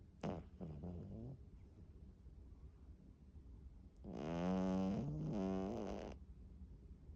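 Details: Cat (foster cat) snoring while sleeping face-planted: two rasping, buzzy snores on in-breaths, a short one then a longer one a few seconds later.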